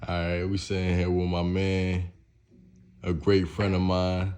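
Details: Adult male speaker; typical speech.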